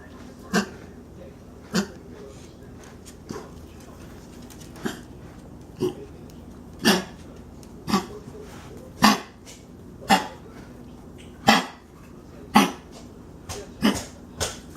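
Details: A dog that seems unwell gives repeated short, harsh coughs, about one a second, with brief pauses; cough in a dog.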